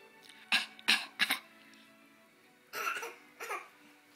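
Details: Child's voluntary social cough: four short, dry, deliberate coughs, then two softer breathy coughs; harmless social coughing.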